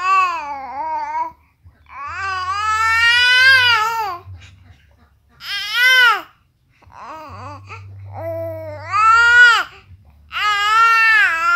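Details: Fussy baby crying: repeated wailing cries, rising and falling, with short pauses for breath between bursts.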